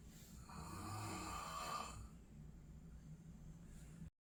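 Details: Tired dad snoring while sleeping next to his quietly sleeping 2-month-old baby: a single loud, rough snore on an in-breath, then quieter breathing; ordinary snoring.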